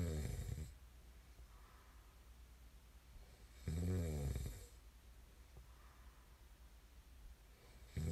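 Two deep, rattling snores about four seconds apart with quiet breathing between them: loud snoring during sleep.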